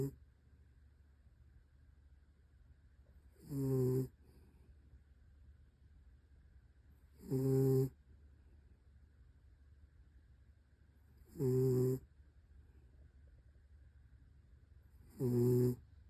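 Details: Dog snoring in his sleep: regular, loud, buzzing snores about every four seconds, roughly 15 breaths a minute, with quiet pauses between them.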